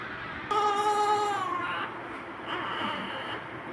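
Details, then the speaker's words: Newborn 3.8 kg baby, second child, after difficult delivery, did not cry immediately; then short, clear, high-pitched cry followed by weaker second cry as baby responds and turns pinkish; normal crying response after birth. "medo nahirapan si baby laki-laki ay hindi agad nakaiyak doot Thank you Lord okay si baby nagresponse na siya pinkish na rin siya ngayon 3.8 kg si baby"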